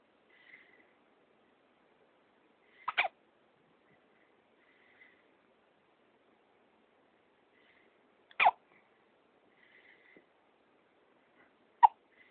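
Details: A person with hiccups: three brief, sharp, isolated gulping bursts a few seconds apart in a quiet room.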